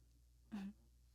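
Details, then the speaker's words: Someone sleeping and snoring loudly, likened to a lawnmower or weed whacker: one brief, rough, rattling snore against a quiet room hum. "It's snoring. Oh my God. It's loud."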